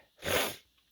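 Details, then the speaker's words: A single sharp, hissing sneeze lasting under half a second from a man who says he felt sneezes coming on; sneeze. "Sorry, I've been away for a while. I hope you didn't miss me too much. I'm back because I was feeling some sneezes coming."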